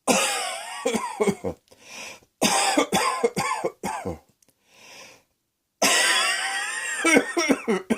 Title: Cross Dressing Coughing 50